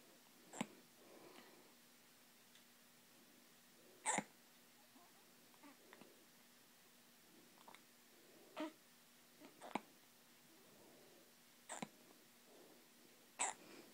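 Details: Avril with hiccups: sharp, brief clicks repeating about every one to three seconds, seven in fourteen seconds, in a quiet room; hiccups.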